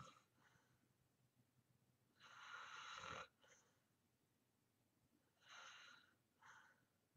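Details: Self-recorded snoring in deep sleep: hissing, rasping breaths with two main bursts and short catches after each, over steady room hiss.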